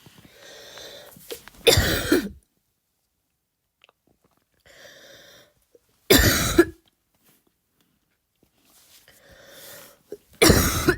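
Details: Voluntary cough trying to imitate a barking cough but unable to produce the bark: three deliberate, forceful single coughs, each after an audible breath in.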